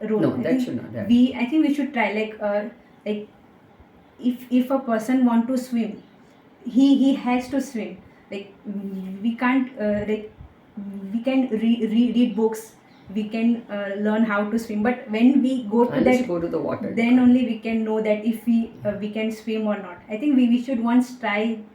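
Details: Woman with stammering that began in third or fourth standard and worsened with age, treated with speech therapy, a stammering self-help group member, stammering very little here; finding: stuttering (stammering).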